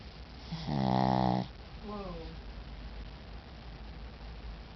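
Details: A single loud, buzzing snore on a breath in, then a softer whistling breath out, from a small male pet sleeping while tired out: snoring.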